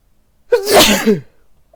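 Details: Sneeze from a person in a Santa Claus outfit wearing a facial mask and white headphones: a single loud, explosive voiced sneeze under a second long, quiet room.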